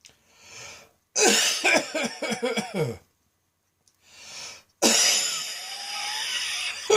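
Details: Heavy midday coughing fit preceded by a tickle: rapid run of harsh, forceful coughs, a gasping breath in, then another prolonged rough cough; person felt light-headed afterward.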